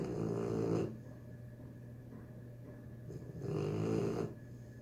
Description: Nala the 3 month old pitbull puppy snoring in the bathroom. She had a hard day! Lol!